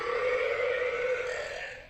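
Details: Cartoon alligator burping (remake): a single long, deep, rumbling burp lasting about two seconds.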